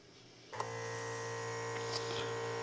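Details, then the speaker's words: Automatic voice blood pressure monitor started with a press of the on/off button: a click then steady electric whir of the pump inflating the arm cuff. "vous appuyez donc un petit coup sur le bouton marche arrêt"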